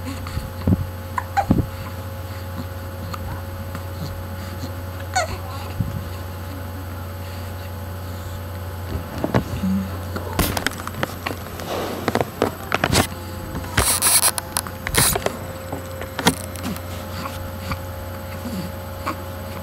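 Short, sharp hiccup sounds recur irregularly, about six in twenty seconds, over a steady low room hum.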